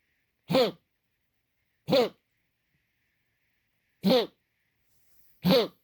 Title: The cough, sound only